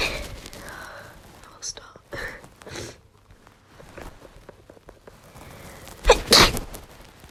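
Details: Breathy lead-up sounds and sniffs, then one loud explosive sneeze near the end, from a congested female with a head cold who has been coughing all day and losing her voice.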